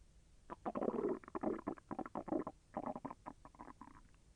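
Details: Stomach growling during digestion, with the intestine moving and slightly painful: quick runs of bubbling, gurgling bowel sounds, like rolling liquid.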